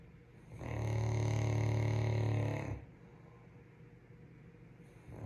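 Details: Caucasian Shepherd (Ovcharka) dog snoring: one long, steady, low rumbling snore lasting about two seconds, then quiet.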